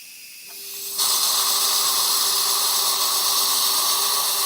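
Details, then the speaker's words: Steady high-pitched hiss and whine with water spray as a 2.2 twist drill prepares an immediate implant site at tooth #25 in a 64-year-old slightly diabetic man, slightly penetrating the sinus floor; dental implant drill. "2.2 Twisted drill is going to be used for drilling sinus floor is going to be slightly penetrated"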